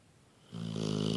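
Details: Pitbull snoring while napping: a single brief, rough snoring breath rising out of silence.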